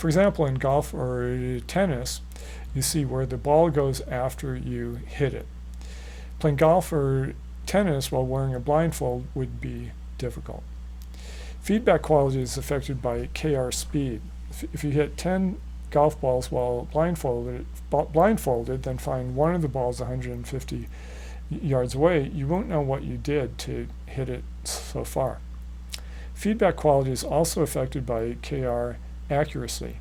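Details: Stuttering in an adult man who stutters, managed with fluency shaping therapy.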